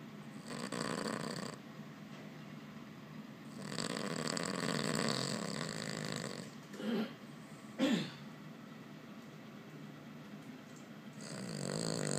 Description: Banjo goes to owner's office a few times a week and snores on his lap.